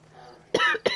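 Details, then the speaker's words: Coughing from a woman who says she is sick and her voice sounds terrible. "sound like like white white girl Barry White and I'm coughing a lot so I'm gonna warn you now"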